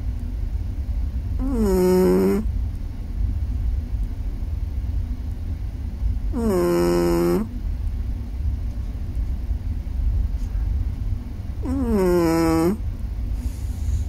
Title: Chihuahua dreaming and snoring